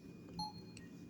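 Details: ICU syringe pump being programmed for IV furosemide infusion (ml per hour): short single electronic keypress beep over low room hum as settings are selected.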